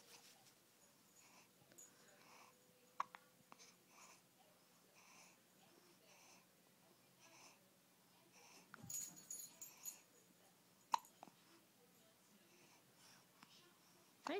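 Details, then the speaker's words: Young girl who gets hiccups about twice a day; soft, regular catching sounds repeating through a quiet room, with brief voices in the middle; hiccups. "Poor kid. I think she gets the hiccups like twice a day."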